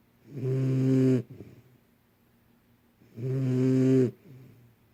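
Two long, deep, rattling snores on breathing in, each followed by a quieter breath out; ordinary snoring in a young dog.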